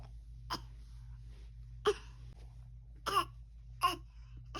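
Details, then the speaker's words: Young boy deliberately faking a cough to get medicine after denying headache, bellyache or sore throat: four brief, soft, forced cough sounds, a voluntary fake cough. "I think that's a fake cough. You're faking it."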